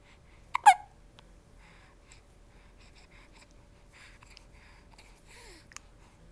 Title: 8 7 10 has the hiccups 2